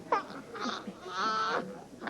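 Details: Prematurely born baby boy, now big enough to go home from hospital, fussing with short wails and bleating cries while someone handles him, saying they are making him very mad.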